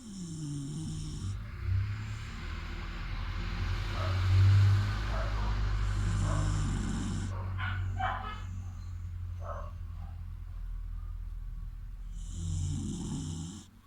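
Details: Sleeping dog snoring: low, rumbling breathing noise with repeated snorting bursts, plus some bright tones and short sounds in the background.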